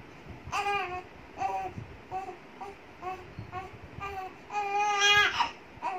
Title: Cutest Baby Crying Moments - Funny Cute Boy #Shorts Status